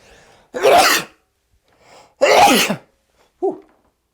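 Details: A man sneezing in an outtake from a comedy sketch about complaining husbands: two loud, explosive sneezes about two seconds apart, each after a short inhale, then a brief voiced sound.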